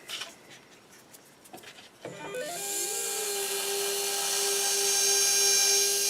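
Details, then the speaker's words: Dental surgical handpiece with a 1.2 mm pilot drill, preparing osteotomy sites for narrow diameter implants on a practice upper maxillary model: high steady whine spinning up and running. "our 1.2 millimeter pilot drill with the proper angulation i'm going to angulate here following the ridge morphology and slowly pumping in and out allowing for nice proper implant position"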